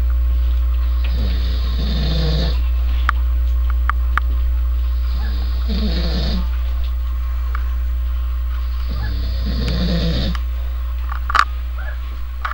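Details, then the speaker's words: Man asleep on a couch snoring very loudly: three loud, rattling snores about every four seconds, roughly 15 breaths a minute, over a steady low electrical hum. "You're snoring! Wake up! Okay."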